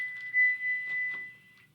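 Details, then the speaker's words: Training AED on a mannequin: steady high electronic tone with brief clicks as the shock is delivered after shock advised, followed by prompts to call Emergency Medical Services and begin CPR. "shock delivered be sure Emergency Medical Services have been called"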